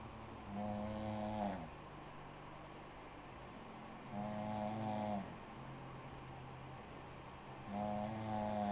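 Buzzy, tonal snores, one about every three to four seconds, over steady room noise. The pattern is ordinary snoring.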